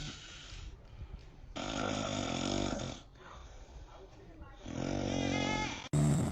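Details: A father snoring while his baby reacts: two loud, rough, rattling snores on breathing in, with quieter breathing between and the baby's brief voice at the end.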